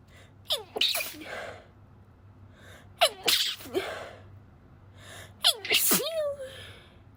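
Three stifled sneezes, each a quick catching inhale then a muffled, held-back burst; repeated suppressed sneezing.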